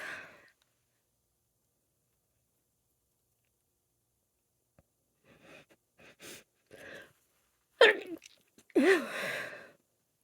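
Short catch breaths build up to two sharp sneezes, with a brief nose blow at the start; allergy sneezing.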